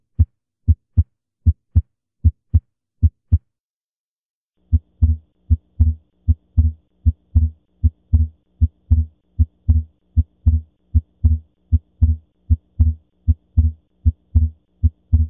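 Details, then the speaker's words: Heart auscultation: regular sounds at about 77 beats a minute with a split second sound and a faint background hum; paradoxical splitting of S2, which can occur with reversed electrical activation. "Ahora vamos a escuchar el desdoblamiento paradójico del segundo ruido. Como dijimos, esto puede ocurrir en una situación en la que la activación eléctrica del corazón ocurra a la inversa, de derecha a izquierda,"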